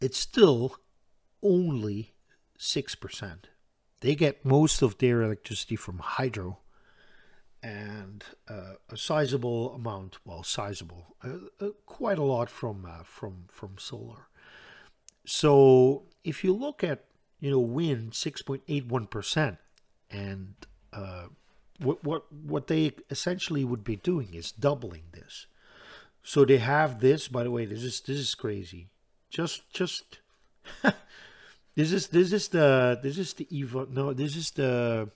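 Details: Stuttering in an adult Dutch man who reports a stutter that is audible all the time, a type in which he always hangs up between his words.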